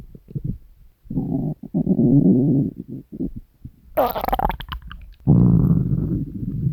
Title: Three Years of Hungry Stomach Growls!